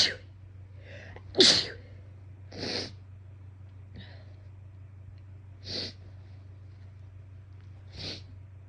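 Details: Run of about four sharp sneezes over several seconds with softer hitching breaths between, over low car rumble, from a person with an itchy, bothersome nose who also had false starts; a sneezing fit.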